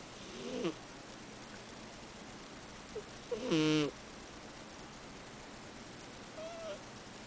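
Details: 8-year-old cat snoring.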